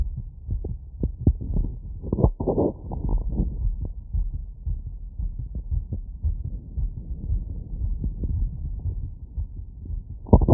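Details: Wireless stethoscope, membrane and funnel in all frequency modes, over valve areas including Erb's point, standing in a light tilt, after a 3 km run: rapid regular heart thumps about 150 bpm with stethoscope rubbing; sinus tachycardia after exercise.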